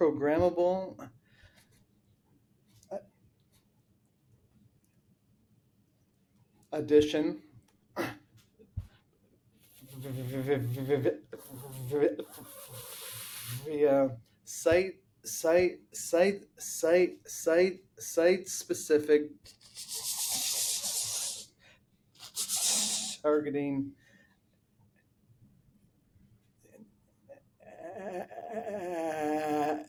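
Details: Adult man with a lifelong stutter that runs in his family; long blocks and repeated words are heard. Finding: stuttering.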